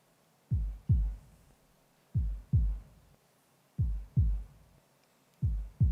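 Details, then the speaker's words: A man's heart sounds, sonified from the original electrocardiogram in his medical file: slow, regular paired low lub-dub thumps, about 36 a minute. "if a cardiogram is converted into sound those are the heart sounds of so what you are about to hear the heart sounds of"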